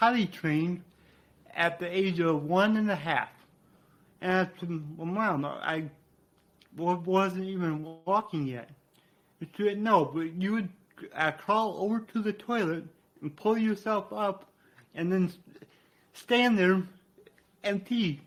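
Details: Adult man with cerebral palsy, which he attributes to brain damage after being born without heartbeat or breathing and being revived; he describes a resulting speech impediment; dysarthria.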